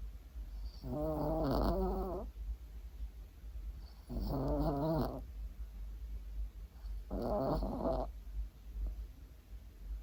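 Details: An 8-year-old male Maltese dog sleeps pressed against his owner and snores: three rhythmic, fluttering snores on the in-breath, about 20 a minute, with quiet pauses between; ordinary snoring.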